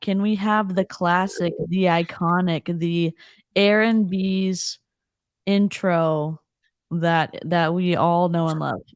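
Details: Adult woman speaking; normal voice.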